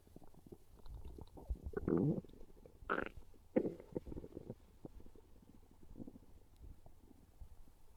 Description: Listen to these real hungry stomach growls as my belly lets everyone know it's craving a delicious slice of pizza.